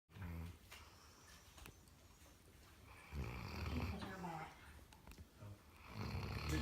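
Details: Elderly dog sleeping and twitching, rough low snoring breaths in several bursts; ordinary snore.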